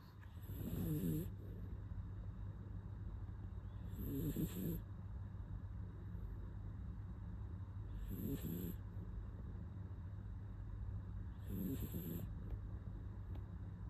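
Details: Toy poodle sleeping: soft snoring breaths about every four seconds, roughly fifteen a minute, over a low steady hum; small dog snoring.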